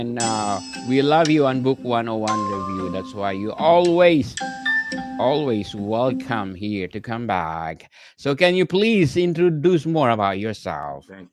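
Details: Adult male speaker; Normal conversational speech.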